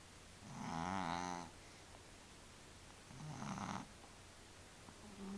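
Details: Sleeping cat snoring: two slow, rumbling snores with a buzzing, fluttering tone about 3 seconds apart, against quiet room noise.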